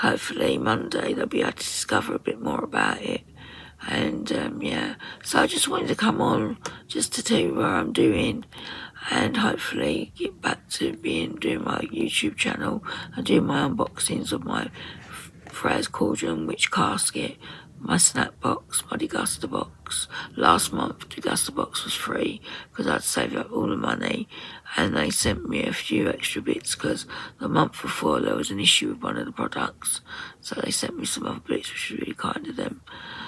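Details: Woman with voice dysphonia, very tight, stressed muscles around the vocal cords, also affecting swallowing, attending speech therapy; voice at times distorted or lost; muscle tension dysphonia.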